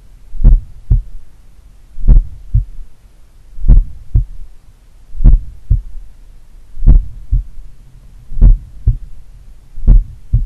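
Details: Self-recorded auscultation at the mitral site by a person doing regular daily cardio training: a slow, steady lub-dub near 38 a minute with a slight, faint low third heart sound (S3) after the second sound.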